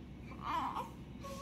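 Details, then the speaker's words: A single brief, rising wail from a healthy newborn male twin (twins weighing 3.2 kg and 2.7 kg, given antibiotics for safety) in hospital; the smaller twin cries after his brother; an ordinary newborn cry. "देखिए देखा देखी ये भी रो रहा है छोटा वाला भी तुमको क्या हुआ बेटा हां तुम बड़े को देखकर रो रहे हो बड़े को देखकर तुम भी रो रहे हो"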